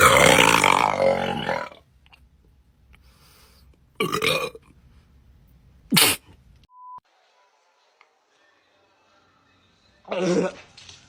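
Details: Repeated burping during a Sprite-drinking challenge, the person saying their tummy hurt: one loud drawn-out belch, then a few shorter belches separated by pauses with a brief beep; repeated eructation.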